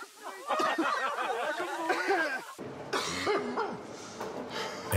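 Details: Simulated smoker's cough in anti-smoking TV ad: acted harsh, rough coughs from an adult man with a young family, portrayed as developing into lung cancer.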